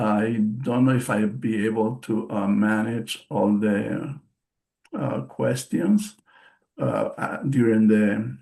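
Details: Post-stroke aphasia in an adult male stroke survivor, speaking English: aphasia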